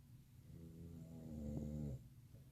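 A loud, low, rumbling snore builds over one long breath in, then stops abruptly: heavy snoring.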